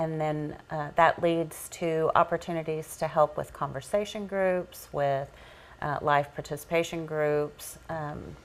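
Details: Adult speaker; normal speech.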